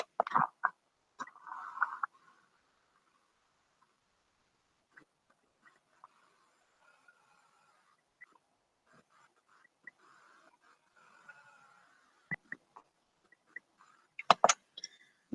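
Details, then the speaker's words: Child with a common childhood chest infection: quiet breathing with scattered brief clicks and pops, sometimes audible even with a stethoscope: crackles. "this is the son of crackles that you can sometimes hear even with a stethoscope"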